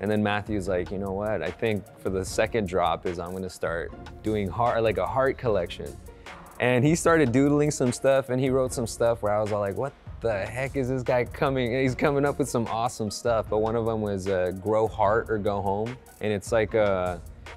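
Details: Adult male speaker; ordinary speech.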